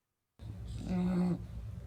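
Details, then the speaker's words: Mild nasal stridor in a brachycephalic dog (female) during BOAS assessment: a short, whistling, snuffly in-breath sucked in through the nostrils, judged almost grade 1, very mild disease. "nasal strider that's sucking in through the nostrils that's really not bad you know from this i'm almost going to say that's a grade one okay so very very mild disease"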